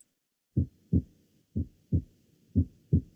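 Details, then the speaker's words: Normal first and second heart sounds: paired low lub-dub thumps at about 60 cycles a minute. "bueno pues ahí están los dos ruidos"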